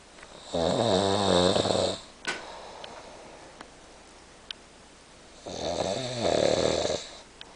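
Two loud, buzzing snores on breathing in, about five seconds apart, with quiet breathing out between. Snoring.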